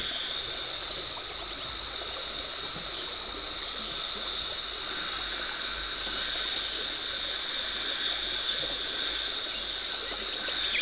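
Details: Dental hygienist performing a professional teeth cleaning in a dental clinic, removing tartar and plaque, no talking: steady high hiss and water spray with a faint whine, sounds of scaling with suction.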